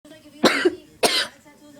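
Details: Person in a coughing fit, unable to stop coughing: two forceful, harsh coughs in quick succession; intense cough.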